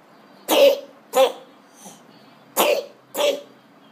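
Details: Child's cough: four short, sharp coughs in two pairs with a small breath between.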